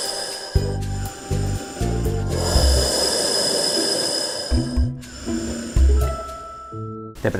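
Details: Acted snoring examples, short snorting and buzzing breaths of varying pitch over background music. They illustrate "what kind of snorer are you" in a promotion for a snoring-silencing patch.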